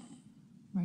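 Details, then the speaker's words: Sleeping child with sleep-disordered breathing, recorded February 6, 2009: after a breath-holding pause, a sudden loud, low, rasping snore as breathing resumes and he partly wakes himself, snoring with sleep-disordered breathing. "he's snoring we're gonna see what happens this is february 6 2009. there he goes he shakes you kind of woke himself up"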